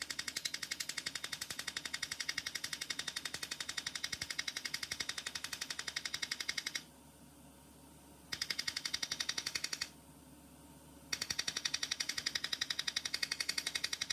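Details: Erbium YAG laser removing an epidermal nevus in a female patient under anaesthesia: rapid regular sharp snapping pulses about 170 a minute, pausing twice briefly; laser pulses firing.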